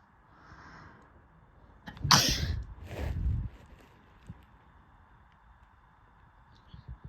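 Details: One loud, explosive sneeze followed by a short blowing exhale in a quiet room; a person's morning sneezing after waking at 11:00, sneezing three times that day.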